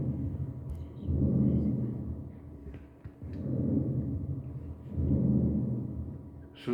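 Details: Pathological lung sounds on auscultation: markedly decreased breath sounds with air trapping, with one lung compromised.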